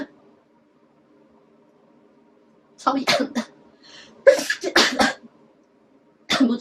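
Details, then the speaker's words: Several sharp, explosive sneezes in quick succession with a brief gasp between, triggered by a nasal swab during a Covid-19 test on a girl; sneezing. "কারণ নাকের ভেতরে দেওয়ার পরে এটা স্নিজিং হয়, ওকে?"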